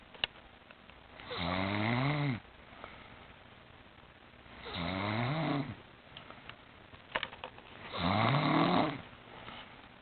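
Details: Adult woman asleep in a chair while watching TV: three loud, rattling inspiratory snores, about 18 a minute, with quiet breathing between; snoring.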